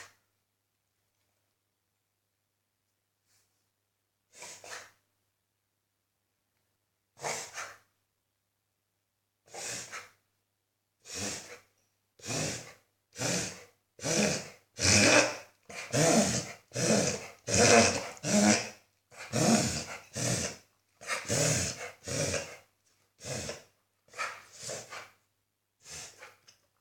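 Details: Beagle reverse sneezing, recorded for a vet: rapid, repeated loud snorting inhalations in a run lasting about twenty seconds.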